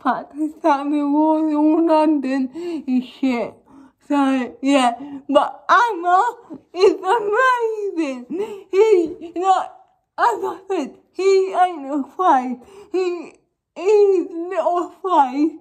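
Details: Young woman with cerebral palsy causing involuntary movements, recently fitted with braces on top and bottom teeth; dysarthric speech (cerebral palsy).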